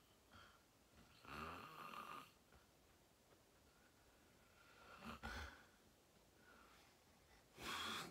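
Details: Three loud, harsh snoring breaths in about eight seconds with quiet pauses; person filming themselves sleeping, fell asleep fast around 8:45, described as deep REM sleep; sleep apnea tagged.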